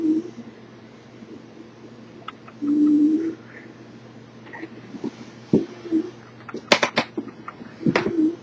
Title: Snickers the Cat Snoring